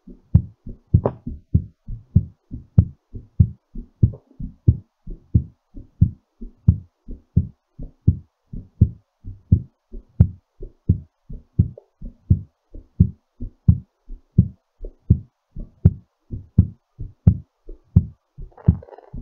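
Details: Regular thumping heartbeat near 87 beats per minute, a little fast during recovery from exercise, with ordinary heart sounds: a normal heartbeat after exercise.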